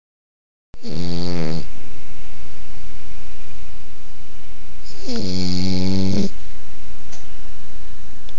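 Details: Kermit snoring: two loud, rattling, buzzy snores on breathing in, about four seconds apart, over steady background hiss.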